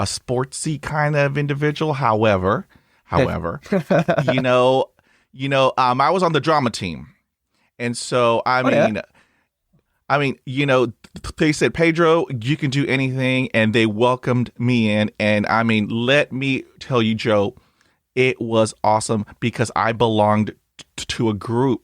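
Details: Adult male speaker; conversational speech.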